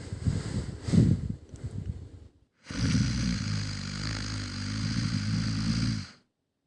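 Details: A sleeping dog snoring: a rough, rumbling snore with low fluttering snorts, uneven at first, then one long steady drawn-out snore.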